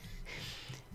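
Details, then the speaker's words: Chihuahua lying in a bed beside the owner, snoring loudly during recording; snoring. "I have a Chihuahua who lays in a bed next to me and he is the champion snorer. So, you will hear him almost in every video I do snoring away."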